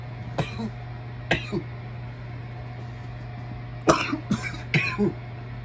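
Five short, dry coughs in two clusters over a steady low hum; cough from smoke irritation.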